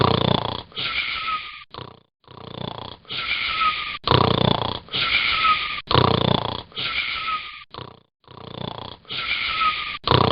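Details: Rapid, loud breathing in repeated bursts with a high whistling tone through the breaths; noisy snoring with a wheezy whistle.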